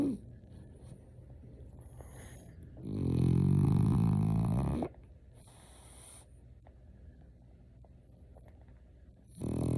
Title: Lazy Sunday mornings and frenchie snores! #fypシ #frenchbulldog